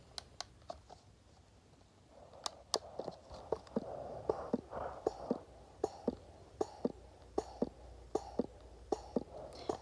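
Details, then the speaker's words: Elvie wearable breast pump running during a sound test: soft, regular clicking pulses at about 78 a minute under a faint hum. Very quiet operation. "Now, anyways, that's what it sounds like. It's pretty quiet."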